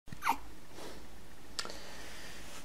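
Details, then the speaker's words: One-week-old baby boy with hiccups: a soft, brief hiccup with a small catch of breath, then another faint one. "look the old man's got hiccups been drinking too much haven't you"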